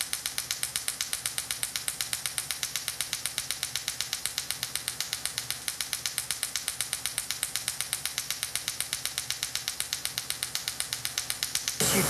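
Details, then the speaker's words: Sciton erbium laser pulsing during cosmetic skin resurfacing and tightening near the upper eyelid, under IV sedation, after CO2 laser work: rapid, regular clicking pulses at about four per second. "as the laser pulse so this laser here is the best skin tightening laser or device in the market period"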